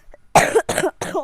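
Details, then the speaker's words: Adult woman with a bad cough, worse after talking nonstop: three quick, harsh, partly voiced coughs in close succession in a quiet room. "എനിക്ക് ഭയങ്കര ചുമയാണ് guys. അയ്യോ ദേ അതുകൊണ്ട് ഞാൻ നിർത്താതെ സംസാരിച്ചിട്ടാണ്."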